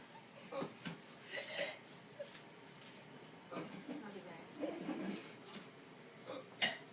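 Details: Hiccups in a hospital room where a grandfather is a patient and the woman caring for him hiccups whenever he does: several abrupt, catching hiccups among quiet adult talk in a small room.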